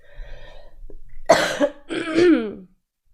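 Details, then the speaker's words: Harsh, forceful cough bursts after quiet breathing, rough and throaty, repeated; girl who says she coughs a lot all night. "And if you want to see like man, I cough so much all night."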